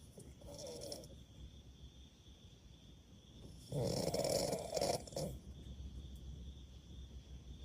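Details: Snoring: two harsh, fluttering snores, the second louder and longer, over quiet room noise.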